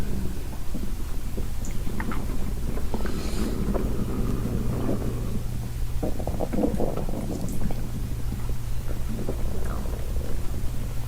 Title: Stomach growl